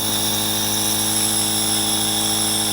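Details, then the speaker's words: Steady hum and hiss of a homemade nebulizer filling a chamber with antibiotic mist for a shelter rabbit with a chronic sinus bacterial infection, during a roughly 15-minute treatment; nebulizer running. "I'm going to turn this nebulizer on again and we should start seeing the uh like behind her ear you can see the uh the Mist coming in with the medication"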